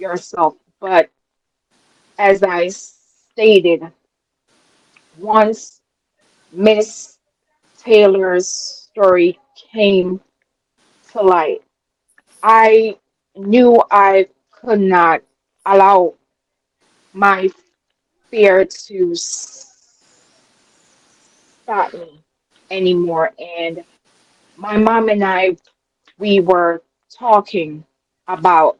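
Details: Adult woman with a self-described speech impediment, which she calls her disability; real; disfluent speech: speech impediment.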